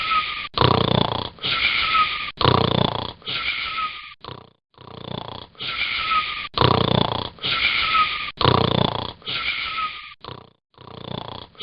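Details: Snoring: rapid, loud, rough snoring bursts with a whistling tone, about twelve in eleven seconds, irregularly spaced.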